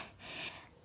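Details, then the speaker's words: Single short, hissing nasal sniff with a rough, obstructed quality from an adult still very congested on day two of recovery, on pain medicine. "i'm still really congested it doesn't sound like it but hear me that's not my throat that's me being stuck like all the way up here"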